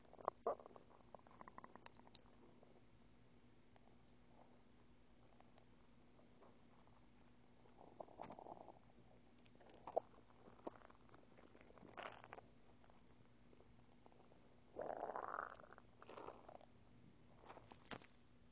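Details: Empty-stomach noises after waking with no breakfast: quiet gurgling and rumbling bursts; borborygmi (hunger bowel sounds).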